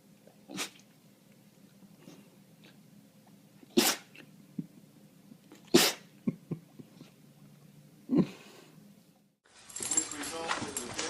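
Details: Dog sneezing: several short, sharp nasal bursts, about four sneezes spaced a few seconds apart, then rustling noise.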